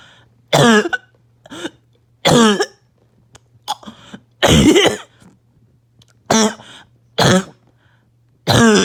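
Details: Barking cough from a patient with less chest pain than usual and on strong medication: seven harsh, loud, hoarse cough bursts in about nine seconds with short gaps; a bad, uncontrollable barking cough.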